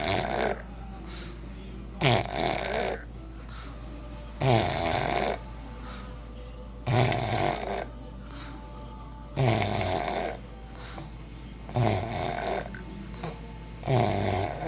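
Loud, rough snores repeating about every two and a half seconds, roughly 24 a minute, over a steady low room hum.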